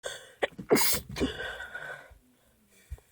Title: Can anyone guess what made me sneeze?